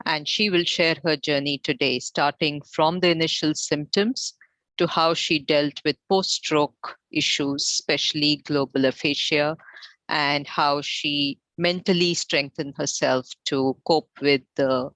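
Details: Adult female host; normal speech.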